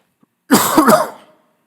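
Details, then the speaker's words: A preacher with a hoarse voice, who says they keep coughing all the time, gives one short, rough, partly voiced cough close to a throat clear during a sermon in a quiet room. "Minha voz está rouca tô tossindo toda hora é uma pequena tribulação"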